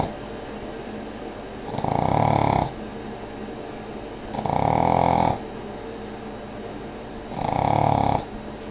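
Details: Three loud, buzzing snores about three seconds apart, near 20 a minute, with soft breathing between, from a sound-asleep Boston Terrier; ordinary snoring.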